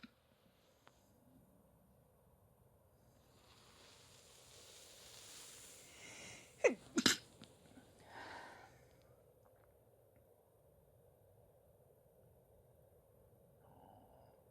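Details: Female: building breathy inhale, then two quick sharp sneezes in succession, then a softer exhale; quiet room; sneezing.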